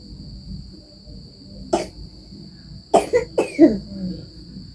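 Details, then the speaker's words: Cough from a child who came home from the garden coughing and vomiting; medicine bought from the doctor; said to often bathe in rain and play in the heat; given kerokan; one cough then a run of three to four harsh coughs. "teman-teman pulang dari kebun tadi dengan batuk-batuk muntah ini makan langsung beli obat ke dokternya"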